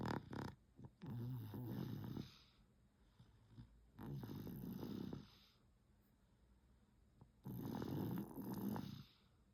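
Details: Baby boy snoring while napping at home: rhythmic rattly snore on each breath, about three breaths in ten seconds.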